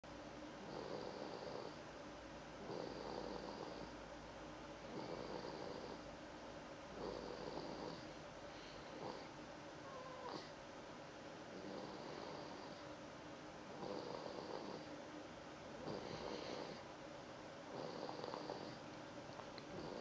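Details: Soft rhythmic snoring with a faint whistle each breath, about 30 breaths per minute, over steady room noise; snoring.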